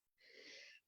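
A single harsh, high-pitched whistling breath lasting about half a second, consistent with stridor.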